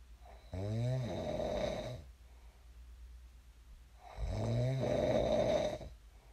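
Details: Person's own heavy sleep snoring, recorded before waking: two long, loud, rattling snores on inhaling, with quiet breathing between.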